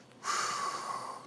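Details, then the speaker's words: Bronchial breath sounds heard over the lung periphery, audible all the way in and all the way out, abnormal, indicating consolidation (pneumonia, pulmonary edema) with solid tissue in between. "so when you're listening to the their periphery and you hear the bronchial breath sounds"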